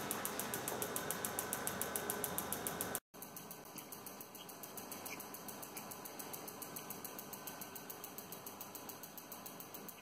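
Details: Dog treated with a 6-week course of focused shockwave therapy for osteoarthritis: rapid, regular mechanical clicking pulses, about three or four per second; shockwave therapy device in operation.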